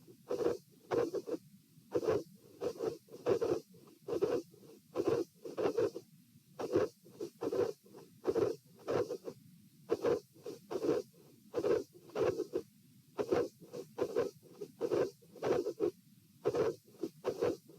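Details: Recorded at position P, standing: regular heart sounds with extra clustered beats, a possible intermittent (cyclic) third heart sound and an aortic ejection (vascular) click, with dilated aortic root.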